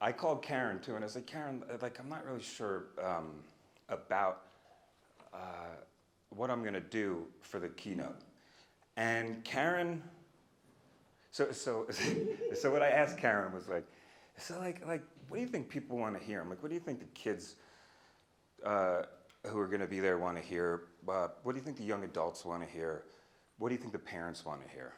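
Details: Adult man who stutters, a speech-language pathologist and stuttering researcher, speaking spontaneously at a live keynote; stuttering.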